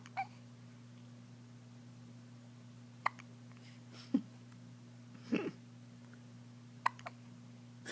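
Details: Little boy with hiccups: about five short, sharp catches, irregularly spaced a second or more apart, against a steady room hum.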